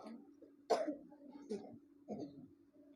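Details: Female Islamic boarding-school students during ruqya, reporting headache, chest tightness, toothache and gastric pain: three short, soft throat-clearing coughs under a low steady hum; cough and throat clearing.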